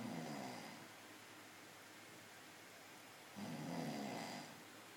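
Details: Loud snoring: two slow, rough, rattling snores on breathing in, separated by a quiet pause, over steady room hiss.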